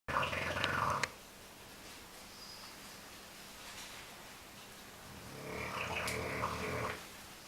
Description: My sisters bulldog snoring as always.